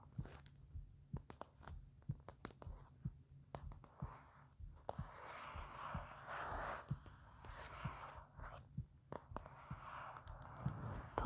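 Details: Speaker's own heartbeat recorded for an ASMR nap video while softly reading Beowulf aloud: soft regular low thumps about 63 a minute under quiet breathy whispering; normal resting heartbeat.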